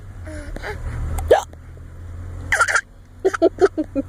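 Short, abrupt voiced hiccup sounds in a quick series, imitated rather than genuine hiccups.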